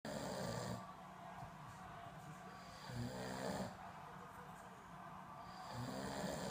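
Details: Steady, rough, rumbling snores about three seconds apart from a sleeping adult man (a father), over a constant hum of room noise.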